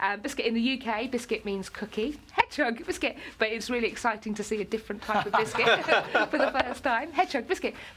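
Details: Vocal tics in an adult woman with Tourette syndrome; "biscuit" is a regular tic occurring up to 16,000 times a day, with other tic words such as "hedgehog" and "cats" and obscene tics.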